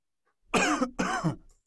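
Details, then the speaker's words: Cough sound played as a vocabulary example for young English learners; someone is coughing. "is that sound? Cough. Sounds well. Someone is coughing."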